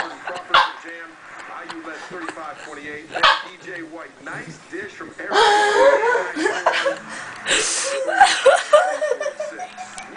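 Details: Adult, described as drunk, with hiccups: several abrupt, sharp gulping catches every few seconds, mixed with laughter-like sounds.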